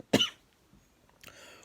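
A single short, harsh adult cough, then quiet with faint room noise; a cough in bronchial asthma.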